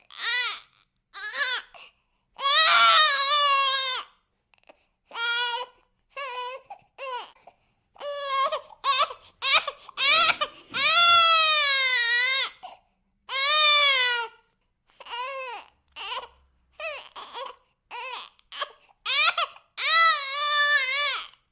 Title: Baby crying [sound effect]